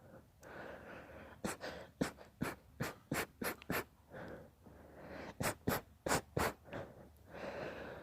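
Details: Quick, irregular bursts of sharp breathing with snorting puffs between noisy breaths, about 190 bursts a minute, fitting panting or snorting, in a recording described as quieter sneezing.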